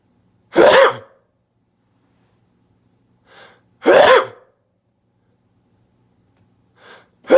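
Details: Sneezing with eyes open, two sharp, explosive sneezes each followed by a soft breath in a quiet room; sneezing.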